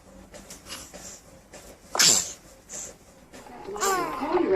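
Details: Newborn sneezing: a sharp, high sneeze then fussy vocal sounds; newborns sneeze often to clear nasal passages, not from cold or illness.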